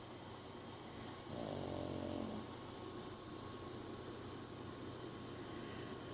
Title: Reese's having a dream and muffin snoring